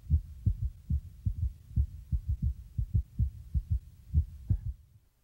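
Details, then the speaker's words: Apical pulse heard by stethoscope diaphragm over the left chest, about 2 inches below the left nipple toward the centre: steady low lub-dub thumps, counted for rate and rhythm over one minute; normal heartbeat. "Adjust the position of the diaphragm until you can hear the heartbeat clearly. Then begin to count the heartbeats for 1 minute. Each lub-dub sound is one beat."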